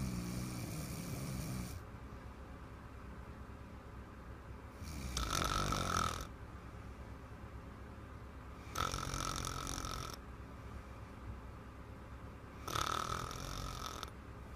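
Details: Little girl snoring loudly: rattling snores on each breath, about every three and a half seconds (roughly 16–17 breaths a minute), quiet gaps between.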